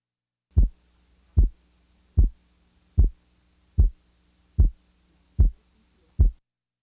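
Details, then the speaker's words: Physiologic split second heart sound with a 25 ms splitting interval, heard best at the left base with the diaphragm chest piece; regular rhythm about 75 a minute, very narrow split. "the physiologic split second is heard best at base left with the diaphragm chest piece the following example represents a second sound splitting interval of 25 milliseconds"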